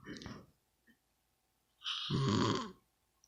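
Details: Brief rough noisy breath, then a longer loud rattling snore in a quiet room; snorer found annoying; snoring.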